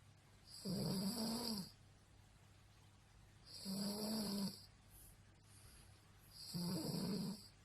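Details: A woman sleeping gives three loud, rattling snores about three seconds apart, roughly 20 a minute, with quiet breathing between; her roommate says it happens nightly: heavy snoring.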